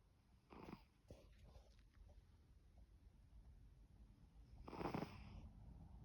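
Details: Snoring: soft snoring breaths with a faint wheezy snort, two breaths over a few seconds, amid low room noise.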